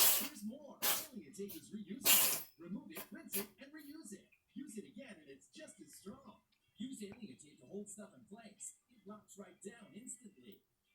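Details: Pet: a few sharp, hissing sneeze bursts in quick succession, followed by a person talking, repeated sneezing.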